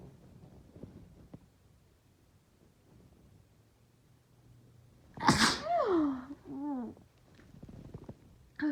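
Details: Sneezing fits while sick, with sniffling and a persistent nose tickle: a brief breathy intake, then a sharp explosive sneeze and a short vocal trailing sound.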